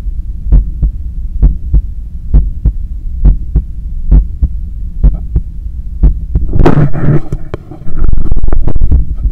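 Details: Fast, strong paired heart sounds at about 105 a minute with a visible neck pulse, recorded while cooling down after a 10 km run, ending in loud handling noise: rapid heartbeat after exercise.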